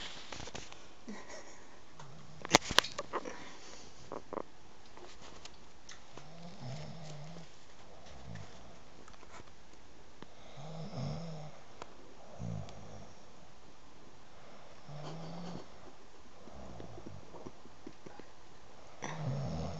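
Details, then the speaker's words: A sleeping person caught on camera snoring: soft, low rumbling sounds every few seconds against quiet room noise, a few sharp knocks early on; faint snoring. "Nigga, I got you on camera snoring."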